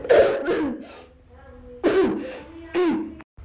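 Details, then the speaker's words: Play-acted sneezes in a skit about having a cold: three sharp, explosive bursts with voiced build-up between them. "Everyone, I have the sneezies. Like this. No, it's coming again."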